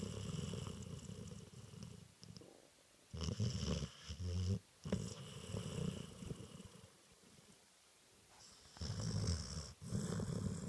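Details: A Spaniel puppy napping gives low, rattling snores in slow, regular breaths with brief quiet pauses between them: ordinary harmless snoring.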